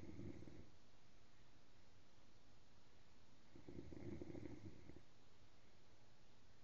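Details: Female sleeping in her gown: two deep, rattling snores about four seconds apart over steady low room noise; ordinary snoring.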